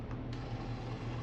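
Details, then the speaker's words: Built-in thermal printer of a TM 2007P biphasic defibrillator, started by the manual print button to print ECG rhythm and details: brief steady mechanical whirring and ratcheting as paper feeds. "ये button से printing start होता है और इससे stop भी होता है।"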